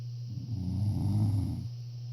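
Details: A single low, rumbling snore over a steady hum.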